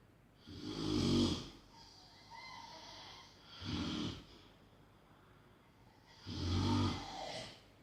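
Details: Loud, heavy snoring with rough, fluttering inhalations and softer exhalations at about 20 breaths a minute; extreme heavy snoring.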